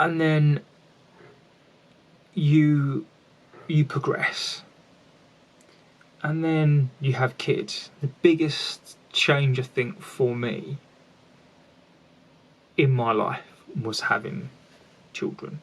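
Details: An adult man with a lifelong stammer, with repetitions heard; finding: stuttering (stammering).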